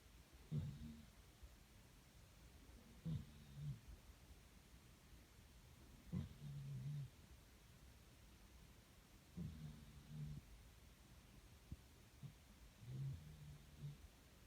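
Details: Koko snoring: soft, low, snorting snores about every three seconds, around 20 a minute, with quiet gaps between.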